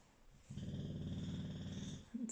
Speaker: maybe if you can hear a loud snoring noise that's my dog he's laid under the table